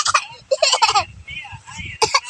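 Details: Young child with fever and a runny nose gives several short, harsh cough bursts mixed with small voiced sounds: cough during a feverish cold.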